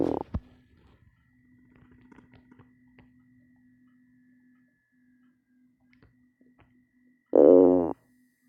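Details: Stomach growling, captioned with coffee: faint gurgles and clicks, then a loud, drawn-out tonal growl from the belly, borborygmi.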